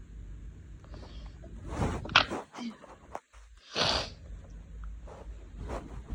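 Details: Sneezes induced by tickling the nose with a thin makeup brush in a person with lingering cold nasal sensitivity, in bed: breathy intakes, then two sharp hissing sneeze bursts over faint hum.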